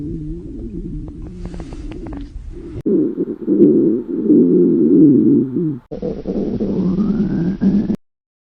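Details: Girl's hungry stomach growling: long, low, gurgling and groaning rumbles that grow bigger and longer, expressing how hungry she is.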